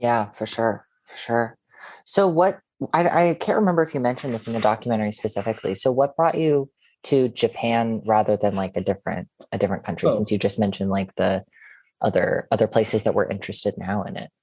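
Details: Adult male speaker; typical speech.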